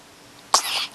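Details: A single brief sharp sneeze with a short breathy tail from an eight-day-old newborn girl, in a quiet room.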